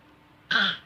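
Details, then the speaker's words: Child asked to cough during a playful game: one short voluntary cough on request; an imitated cough. "Oh, iya, batuk, batuk."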